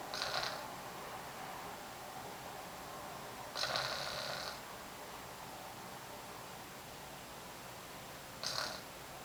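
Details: Light snoring: soft, breathy, hissing snores recurring every few seconds over steady room hiss.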